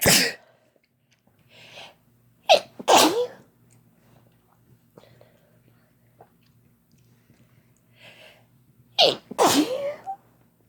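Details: Two adults sneezing together using chhinkni: several sharp, explosive sneezes, some close together, with quick breaths in before them.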